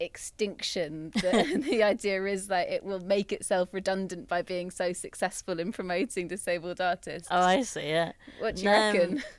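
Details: Adult woman speaking; normal speech.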